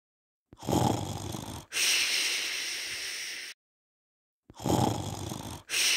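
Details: Snoring sound effect: loud rattling snores on breathing in, each followed by a hissing, snorting breath out, in a steady cycle.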